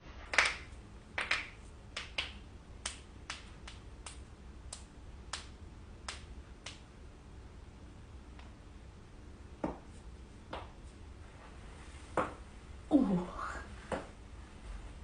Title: cracking joints